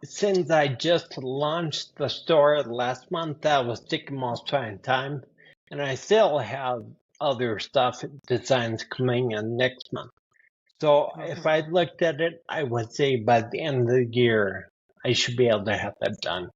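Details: 52-year-old man with spinocerebellar ataxia type 15 (SCA15), a rare progressive neurodegenerative disorder; his speech has worsened since his early 40s, along with his balance and handwriting: ataxic dysarthria.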